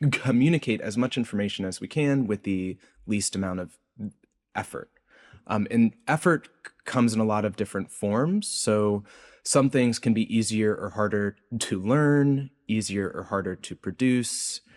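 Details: Adult male researcher with a self-reported speech impediment present throughout the interview; speech impediment (disfluency).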